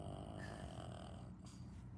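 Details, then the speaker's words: A low, steady, rumbling, loud snore from a sleeping dog, with faint room noise behind it; snoring. "she's so loud"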